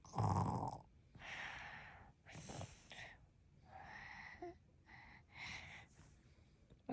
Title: This girl with the fake snores#short#trending #trendingshorts #viralshorts #youtubeshorts #trend